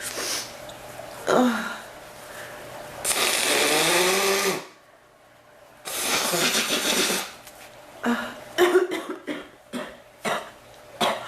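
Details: Adult with a persistent cough that hurts the chest and back, more the back, and comes and goes; it feels like it is drying up and letting up tonight. Harsh, rough coughing fits with strained, wheezy breaths drawn in between.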